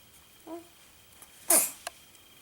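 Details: A single small sneeze: a small squeak, then one sharp hissing burst and a brief after-snort; sneezing.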